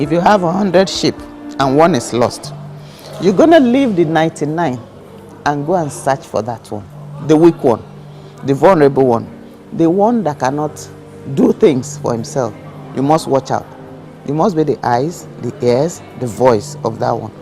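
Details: Adult speaker; normal speech.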